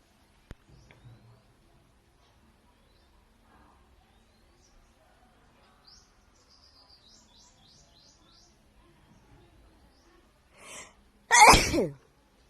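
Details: Woman at a hotel, quiet room with faint bird chirps: a brief intake of breath, then one loud, sharp sneeze; sneezing.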